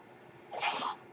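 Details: The speaker's own ventilator heard during a podcast recording: a brief, soft, airy whoosh that rises and fades over a faint background hiss; mechanical ventilator breath cycle.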